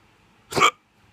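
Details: Drunk hiccups: a single abrupt, short gulping hiccup.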